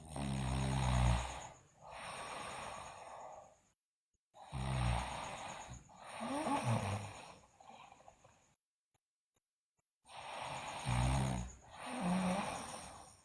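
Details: Sleeping girl loudly snoring: loud, rattling snores on inhalation, with quieter exhalations and pauses, about eleven breaths a minute: snoring.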